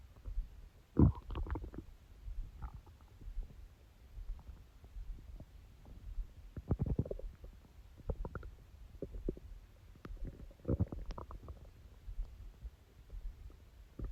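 Low gurgling and rumbling from the abdomen in irregular bursts: ordinary stomach growling.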